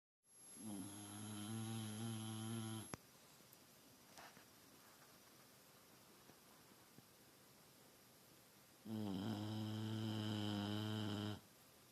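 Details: Sleeping bulldog snoring: two loud, low, rattling snores, each about two to three seconds long, with a quiet pause between them.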